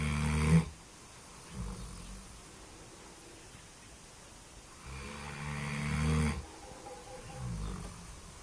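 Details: Deep, rumbling snores with each breath, loud on the inhale with a softer rattle on the exhale; snoring.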